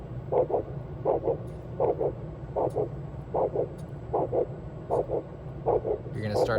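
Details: Ultrasound Doppler over an artery while a blood-flow-restriction cuff is slowly inflated in 10 mmHg steps to find limb occlusion pressure: regular two-part whooshing arterial pulse at about 77 a minute over a low hum, with no clear fading.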